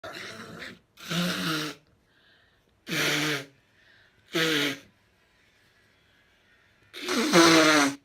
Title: Female japanese sneeze and blowing their noses